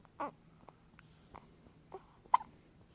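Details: A baby's first hiccups, recorded 8-3-16: several brief, soft, abrupt hiccup sounds, irregularly spaced, in a quiet room.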